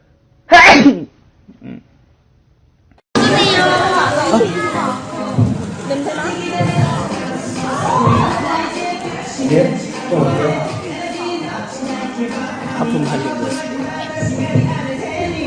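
One sharp, loud sneeze followed by a faint second sound, then crowd chatter and music; an ordinary sneeze.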